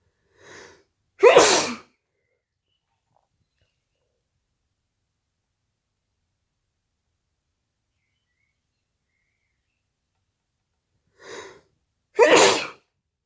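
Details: Sneezes deliberately induced using a CD: two sneezes about eleven seconds apart, each a short intake of breath followed by a sharp, explosive burst.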